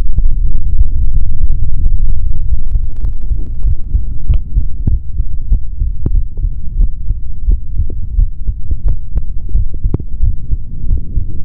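Muffled low thumps of a heartbeat through a stethoscope, with a steady hum and scattered rubbing clicks from the chest piece.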